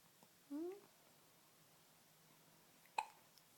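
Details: Hiccups: a brief voiced rising catch followed by a sharp click-like burst in a quiet room.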